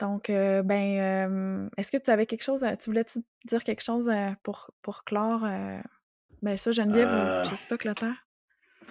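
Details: Adult speech, French, possibly two speakers; normal speech.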